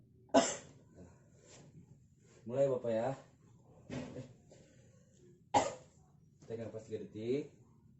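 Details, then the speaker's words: Role-played nursing demonstration of deep breathing exercise and effective cough to reduce breathlessness and collect sputum specimen: two sharp, forceful single coughs, each followed by voiced sounds; effective controlled cough. "Saya ingin mempraktekkan yang pertama latihan nafas dalam yang kedua batuk efektif tujuannya untuk mengurangi sesak nafas"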